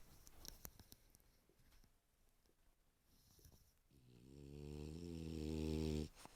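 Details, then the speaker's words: French bulldog (the 'tavern dog') asleep behind the speaker gives one long, loud, low rattling snore after a few seconds of quiet room noise. "The new tavern dog is snoring behind me. Yeah, I know, he's hilarious."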